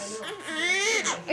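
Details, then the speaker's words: Newborn girl just after birth: strong, rising and falling wail, a vigorous normal first cry. "Yeah, you got your daddy singing lungs."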